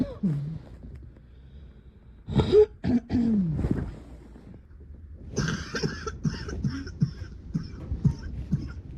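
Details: Adult middle-of-the-night coughing fit, coughing all night long: several harsh bursts and throat clearing in a quiet room.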